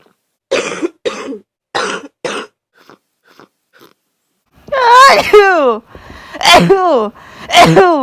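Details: Coughing in a person with influenza A confirmed by swab, with high fever, body aches, very runny nose and congested cough: four short dry coughs, faint sniffs, then three loud voiced coughing spells.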